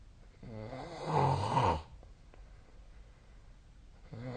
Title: 🐽 本日のイビキ / Snoring Sleep Sound 2024/12/20